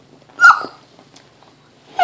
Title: Hiccups